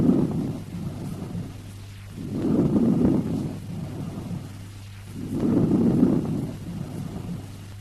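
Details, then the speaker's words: Normal lung auscultated with stethoscope diaphragm: rustling, breezy breathing, inspiration louder, higher-pitched and 3–5 times longer than expiration, no pause between; vesicular breath sounds. "In the vesicular breath sounds heard over normal lung tissue, the inspiration is louder and higher pitched than expiration."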